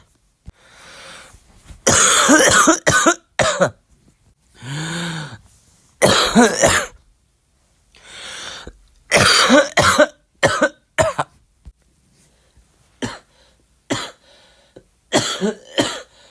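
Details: Adult with flu: repeated harsh, forceful coughs in clusters, with quieter breaths and throat clearing between them.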